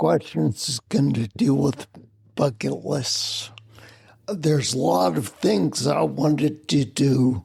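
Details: Adult man with spinocerebellar ataxia of unknown cause, slurred speech since around 1999, difficulty being understood on the phone; ataxic dysarthria.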